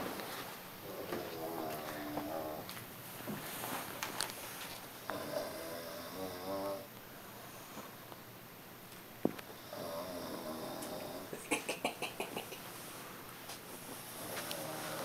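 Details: A person snoring really loudly: rattling, fluttery snores with each breath against steady room noise and a few clicks; snoring.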